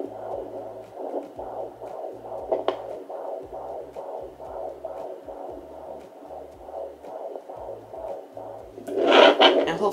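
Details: Home fetal Doppler (Sonoline B) on a pregnant woman's abdomen, baby girl kicking and moving: rapid, regular whooshing fetal heartbeat, about 150 beats a minute, with soft music underneath.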